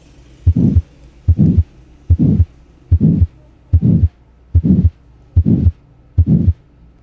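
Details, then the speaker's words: Supravalvular pulmonary stenosis murmur (obstruction above the pulmonary valve), heard over much of the chest: regular heartbeat near 73/min with a harsh, medium-pitched, diamond-shaped crescendo-decrescendo systolic murmur of variable intensity and duration. "las características que tiene son de intensidad y duración variable tono medio cualidad áspera y la configuración es en forma de diamante o creciente decreciente y este ruido suena de la siguiente forma"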